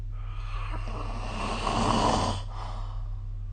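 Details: Snoring during sleep recorded with the SnoreLab smartphone app.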